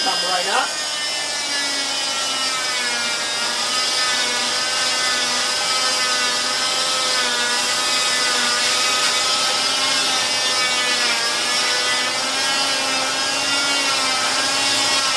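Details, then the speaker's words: Loud, steady high-pitched buzzing of an oscillating cast saw cutting without pressure through the thin fiberglass layer of a total contact cast, along the lateral leg toward the toes, during clamshell removal; cast saw cutting fiberglass cast. "Let the blade do the work. And you don't need to push hard. Remember, you only have a fairly thin layer of fiberglass."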